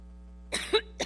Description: The former Secretary of State visits the Schomburg Center for Research in Black Culture in New York, New York and has a severe coughing fit while speaking.